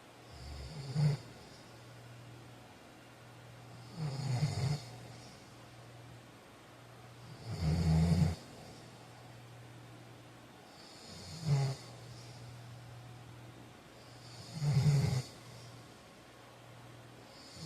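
Low rattling snores on each breath in, about five in eighteen seconds, quiet between them; ordinary sleep snoring.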